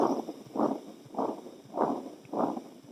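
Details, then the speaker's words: Veterinary cardiac auscultation heard toward the heart base: a continuous engine-like whooshing murmur, called a machinery murmur, typical of puppies with congenital patent ductus arteriosus. "si tienen un sonido como de motor el nombre genérico de nombre didáctico es soplo en maquinaria típico de cachorros con una patología congénita"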